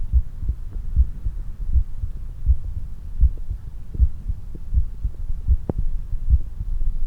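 Regular low paired thumps at about 80 beats a minute with a steady hum beneath; ordinary heartbeat after exercise.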